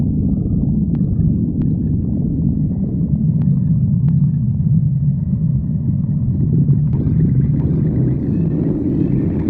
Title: stomach growling